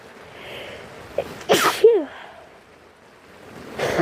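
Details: Many sick sneezes with sniffles and rain sounding in the background.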